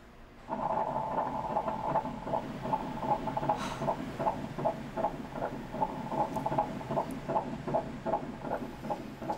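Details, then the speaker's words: TV drama scene: fast, regular swishing fetal heartbeat about 150 per minute on ultrasound Doppler, with the doctor saying the baby is healthy. "아이는 건강하네요 정말 괜찮은 거 맞습니까 보이지도 않는데 심장소리 들어 보실래요"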